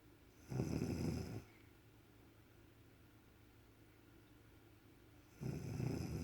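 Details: Snoring from a sleeping mother beside her two-week-old baby: two loud, low, rattling snores on breathing in, separated by a quiet pause of about four seconds.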